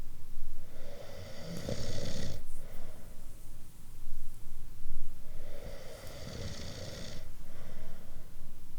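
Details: Snoring, one of several different types of snoring.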